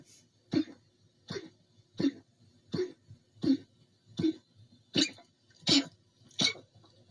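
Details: Dog coughing: a steady series of about nine harsh, honking bursts, roughly one every 0.7 seconds.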